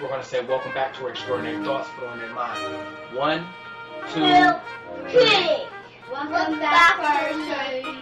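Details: Adult speaker; typical speech.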